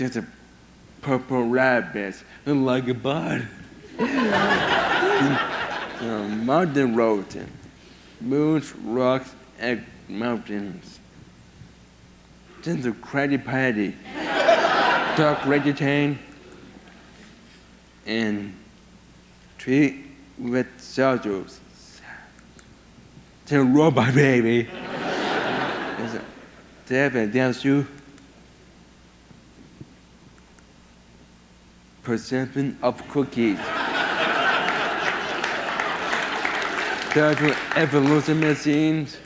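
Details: 22-year-old man with severe autism who lost language at about 15 months, had years of speech therapy and says only a few sentences a day; mother warns most is hard to understand; atypical speech in severe autism.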